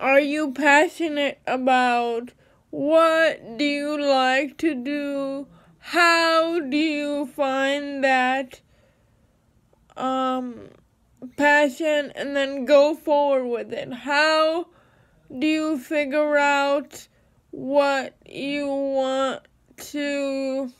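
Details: Dysarthric speech in a woman with cerebral palsy.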